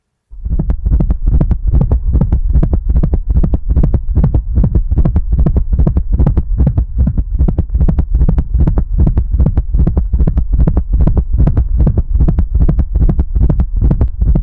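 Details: Gallop rhythm in a hypertensive dog with kidney disease and cardiac hypertrophy: a fast, regular low heartbeat around 150 a minute with an extra soft beat giving a galloping cadence.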